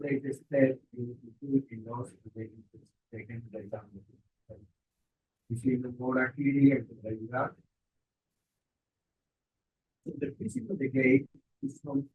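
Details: Adult male speaker; normal speech.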